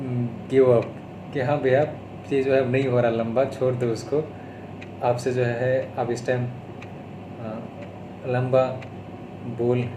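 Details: Adult man with stuttering (stammering), recorded on day 32 of speech therapy, speaking Hindi mixed with English.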